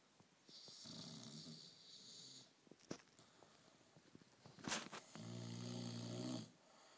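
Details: Snoring in a sleeping Bullmastiff puppy: two drawn-out, buzzing and whistling breaths with quiet rustling between.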